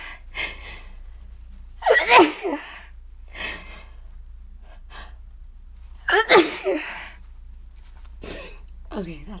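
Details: Two sharp, breathy, slightly squeaky sneezes, each preceded by a quick in-breath, with soft breaths between, in a quiet room, from a sick person losing their voice and also coughing; sneezes were deliberately induced: sneezing.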